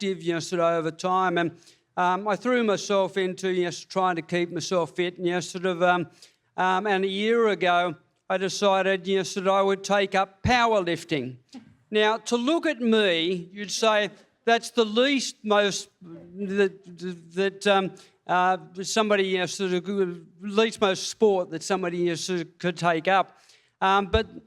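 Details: Parkinson's disease diagnosed February 2022, about three years earlier, in an adult man receiving speech pathology; reading aloud leaves him out of breath. Hypokinetic dysarthria with stammering-like disfluency.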